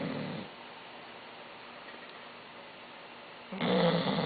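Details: Loud snoring during sleep: a rough, growly snore fades into quiet breathing, then a louder rasping snore starts.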